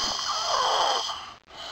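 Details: Laboured noisy breathing while a man sleeps at night. Loud, harsh, rattly breaths with brief pauses and visible hard sucking-in. Eyes sometimes slightly open. Family worried about whether he is getting enough oxygen.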